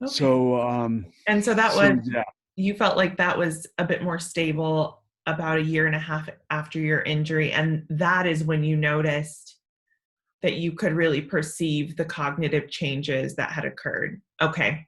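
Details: Adult woman speaking; normal speech.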